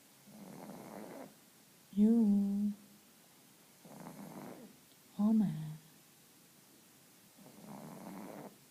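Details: Sleeping female pug snoring: rhythmic rasping snores alternating with higher whistling, whiny nasal sounds, about 19 breaths a minute.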